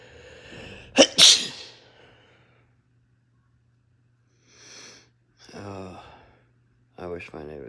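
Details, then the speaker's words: Adult with a cold, nasal congestion and a sinus infection, unable to sleep: a sharp double sneeze, followed by quiet and a few brief spoken sounds; sneeze. "And I can't seem to sleep with the damn congestion. Oh dear. Is giving me trouble making me sneeze."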